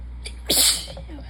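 A brief intake followed by a single sharp, hissing explosive burst: one sneeze.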